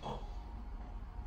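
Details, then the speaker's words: Adult with moderate sleep apnea and prior nose surgery, examined with a flexible endoscope at the tongue base, deliberately imitates snoring: brief low, rough fluttering breath noise. "dil kökü çok önemli bir daha yapın horlar gibi"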